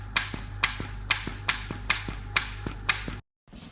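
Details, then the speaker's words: Painfree U225 cosmetic injection gun being primed before a PRP (platelet-rich plasma) injection: rapid sharp mechanical clicks, roughly two per second. "going to do rolls with her gun with the u225 and I'm just going to climb it now"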